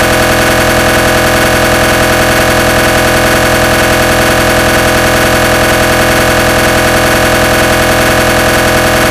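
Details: Loud, steady mechanical knocking and buzzing pulses at about 158 per minute: a simulated recreation of the gradient-sequence noise of a GE 1.5 T MRI scanner.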